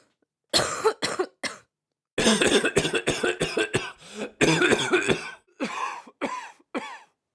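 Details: Recorded sounds of people coughing, used for noise desensitization of dogs and puppies.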